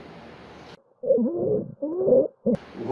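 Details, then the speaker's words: Child with laryngitis (croup), progressing with hoarse voice and barking cough: harsh, high, crowing inspiratory stridor after a hoarse cough, with breathing difficulty. Inspiratory stridor from a narrowed upper airway. "بعد ما سمعنا صوت الكحة شوية المميزة دي، هيبدأ بعد كده لو استمر المرض هتزيد الأعراض، وهيبدأ الكحة دي كمان يبقى معاها صوت مميز جدا بياخده الطفل وهو بياخد نفسه، هنسمعه دلوقتي."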